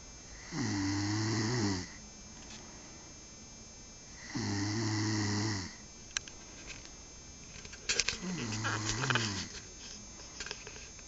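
Three loud, throaty snores, each about a second long and spaced several seconds apart, with a brief rustle between them.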